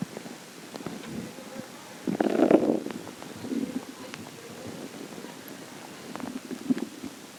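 Low gurgling and rumbling from the belly with irregular bubbling bursts, ordinary bowel sounds of stomach growling.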